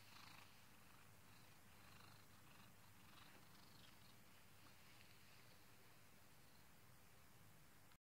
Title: my cat is snoring!#cute video.#turn your sound up to hear the cute kitty snores!